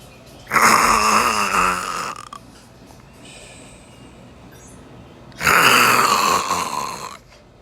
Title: 大橘貓睡著啦😂😂 Orange cat snores.